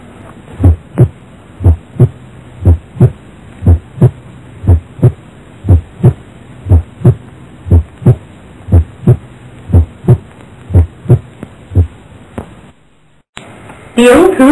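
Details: Regular heart sounds near 60 a minute, soft first sound and louder second sound, as with a long PR interval of 0.18–0.20 seconds.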